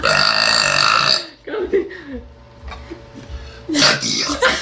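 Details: A small girl burping: a long, loud, drawn-out burp, then quiet vocal sounds, then a second loud burp; ordinary belching of swallowed air.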